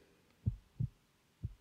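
Soft low thumps of a heartbeat through a stethoscope, the paired lub-dub sounds at about 60 beats a minute.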